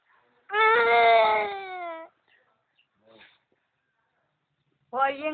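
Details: Child's loud, sustained wail with pauses and a fresh cry starting at the end; ordinary crying.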